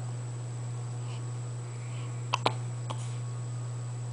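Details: Female with hiccups while also performing her usual tricks: two or three brief, sharp catches of breath over a steady background hum; hiccups.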